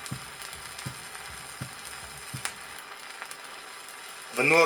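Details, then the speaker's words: Mitral stenosis over the pulmonary artery on a 1963 teaching record: regular heart sounds near 80 a minute with an accentuated loud second sound (P2). "при митральном стенозе определяется акцент второго тона над лёгочной артерией"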